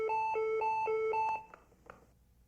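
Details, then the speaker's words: Lifepak 12 defibrillator/monitor pacing alarm: a repeating two-tone electronic tone, four quick cycles then fading, after pacing stopped from electrode disconnection; on reconnection the status shows Pacer off, current zero, and the alarm repeats if current isn't increased within 20 seconds. "a message and alarm tone sound after the electrodes are reconnected the alarm silences and the status message indicates Pacer off and current is zero if current is not increased within 20 seconds the alarm repeats reminding you to increase"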